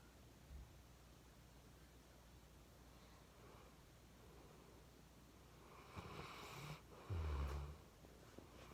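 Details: Chocolate Labrador puppy snoring in sleep, tired after a long walk: soft low snorting breaths over quiet room noise, with a louder snort near the end; normal.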